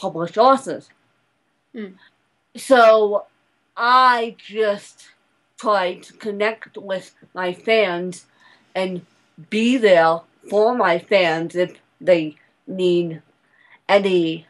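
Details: Adult woman speaking; dysarthria (cerebral palsy).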